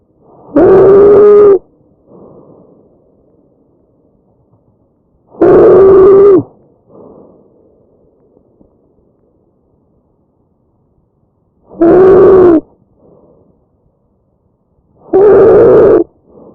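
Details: Tracheal stridor: a harsh breath sound from a narrowed upper airway, in a real patient.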